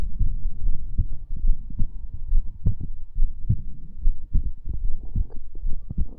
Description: This is another Heartbeat Sounds ASMR video.